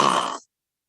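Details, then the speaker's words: Imitated mouth snoring: a person deliberately makes the sound of a snore through the open mouth to demonstrate mouth snoring, as opposed to nasal snoring. "snoring through the mouth and snoring through the nose snoring through the mouth goes as follows so what i would like you to do is to make the sound of a snore through your mouth"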